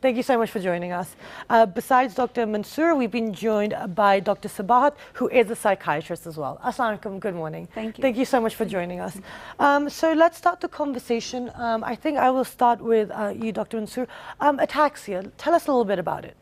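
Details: Adult female speaker; normal speech.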